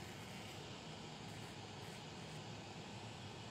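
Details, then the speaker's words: Steady rushing roar of a cold-air cooling blower run continuously on the face during a MOXI laser skin treatment (after 30 minutes of topical numbing) as a pain-relief measure to make the treatment more comfortable. "so another little pain measure we like to do is to give cold air during the treatment it does help if we can make it more comfortable"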